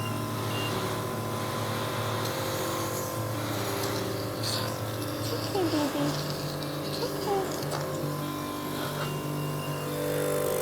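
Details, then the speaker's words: A young child on a ventilator has tracheostomy suctioning at home: the suction machine is on, the vent is taken off, and the catheter goes in to 12 cm, is spun, and is pulled out. "rom the tip of his trach so we turn on the suction machine pop off his vent take this excuse me go in through here so we're at 12 centimeters spin it pull it out and pop it back on"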